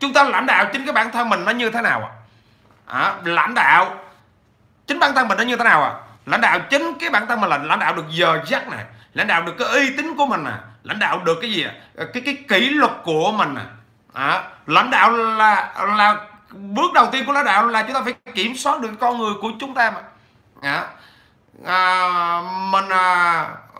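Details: 43-year-old Vietnamese-speaking man who has stuttered since childhood, somewhat improved with frequent speaking practice but persisting: stuttering.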